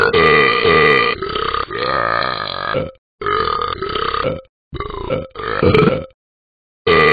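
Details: Simulated burping by the animated app dog Talking Ben burping the ABCs: long, drawn-out voiced belches in a series with short pauses, shaped like sung letters.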